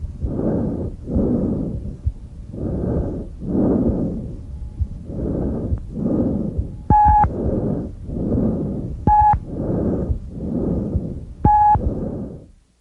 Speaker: tracheal breath sounds not usually auscultated are present over the extrateracic portion of the trachea they are very loud very high pitched and have a harsh Hollow quality the expiratory phase being slightly longer than the inspiratory phase